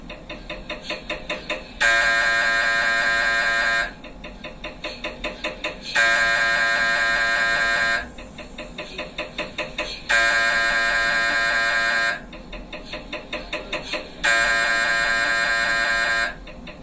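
Loud buzzing bursts about two seconds long alternate with rapid knocking, repeating every four seconds: an MRI scanner acquiring images.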